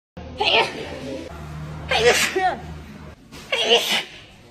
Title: powerful & wet sneeze on tiktok #cold #flu #sneeze